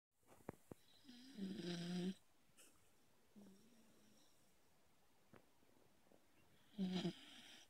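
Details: A sleeping Beagle snoring and snorting while hugging its owner; snoring.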